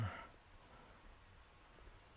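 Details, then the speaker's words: A steady, very high-pitched pure tone at 7,004 Hz, played from a phone, simulates constant tinnitus, demonstrated by a hearing-aid wearer with tinnitus. "Now that's at 7,004 hertz, okay, so that's the frequency that it's playing at, is 7,004 hertz. So I'll turn that off because it's probably driving you insane. But that is a result of tinnitus."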